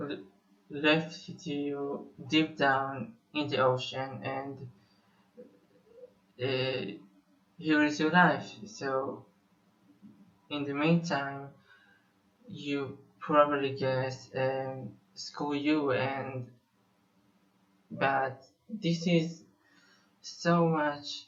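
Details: Israeli male musician who says he has stuttered for almost 21 years; stuttering.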